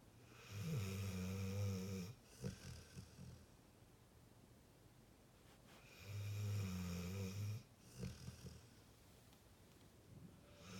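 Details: Sleeping pit bull: soft, low rumbling snores on each breath in, about two cycles over eleven seconds, with quiet snuffling between; snoring.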